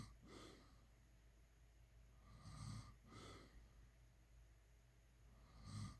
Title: SNORING #snoring #shorts